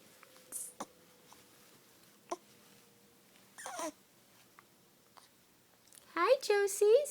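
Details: Infant hiccups in a baby: a few brief, sharp, irregular catches in a quiet room, then a short fussy cry.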